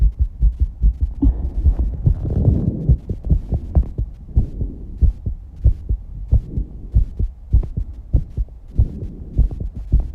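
Rapid, steady low thumping heartbeat with some breathing noise over it: a fast heartbeat after exercise.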